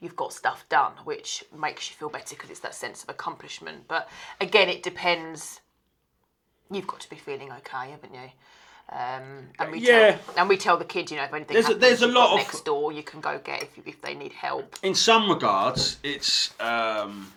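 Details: Adult woman speaking; normal speech.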